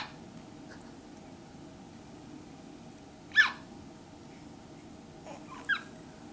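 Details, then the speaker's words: A newborn, in his grandmother's arms before hospital discharge, has his first hiccups out of the womb: two brief, sharp catching sounds a couple of seconds apart over a quiet room hum. "This is with his first hiccups out of the womb."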